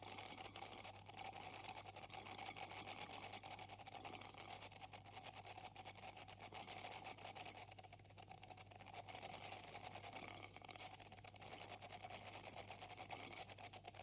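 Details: Ultrasonic scaler during a hygienist's dental cleaning of a patient with heavy plaque and tartar, possibly with gingival inflammation: a steady high-pitched whine, a constant hiss of water spray and faint scraping as tartar is removed.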